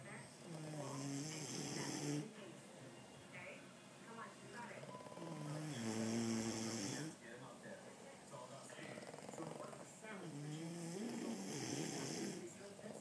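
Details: Two sleepers snoring together: overlapping rough inward snorts with whistly, squeaky breathing between them, about 13 a minute; ordinary snoring.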